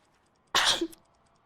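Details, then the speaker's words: Female streamer sneezing repeatedly, wondering why she is having so much allergy; a single sudden, forceful sneeze ending in a brief voiced tail over faint background noise. "No entiendo por qué me está dando tanto así alergia. Ay, o sea, ya van muchas veces que estornudo, ¿no?"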